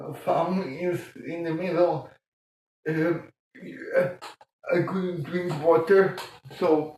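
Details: Adult man born 1958 with mild cerebral palsy from lack of oxygen at birth; childhood speech problems later eased by music-aided breathing changes; dysarthria in cerebral palsy.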